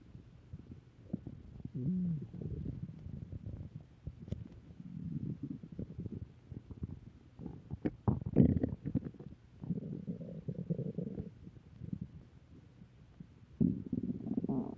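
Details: Return of stomach growling: long low gurgling and rumbling bowel sounds in irregular waves.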